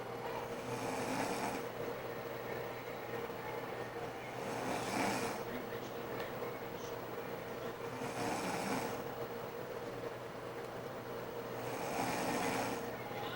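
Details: Soft rhythmic snoring about every four seconds, roughly 16 breaths a minute, over steady room hum, from a mother asleep; snoring.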